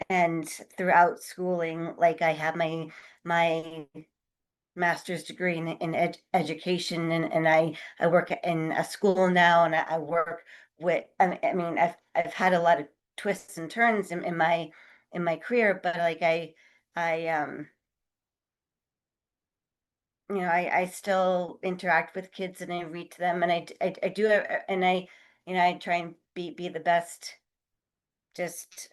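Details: Adult who stutters, taking part in a stuttering support meeting, with repetitions and filled pauses; stuttering.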